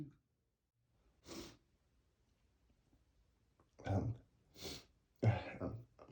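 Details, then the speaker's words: Person with flower allergy acting cartoonish sneezes after sniffing lilies: short breathy bursts and snorts in a quiet room, with comic throat noises while trying to hold them back; sneezing. "I'm trying to hold them back, but but [snorts] Oh no. Oh no. I feel another sneeze coming, and it's going to be huge."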